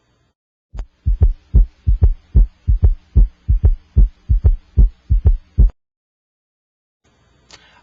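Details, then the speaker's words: Heart auscultation over the apex with an electronic stethoscope while the patient holds their breath: regular paired lub-dub sounds at about 74 beats a minute, with no S3 or S4: normal heart sounds without gallop. "I cannot hear an S4 Gallop for S1 and I do not hear an three Gallop after S2"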